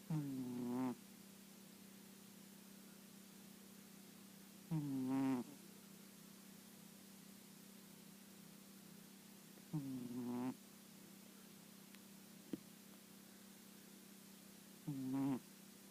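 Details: A sleeping cat snores softly with a buzzing sound about every five seconds, roughly 12 breaths a minute.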